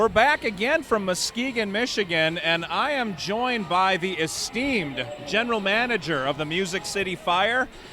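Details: Adult male broadcaster; normal voice.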